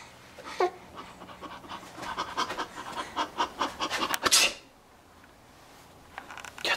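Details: Rapid, rhythmic breathy huffs, about four a second, then a short louder burst and quiet, recorded while someone laughs at fake sneezes; panting.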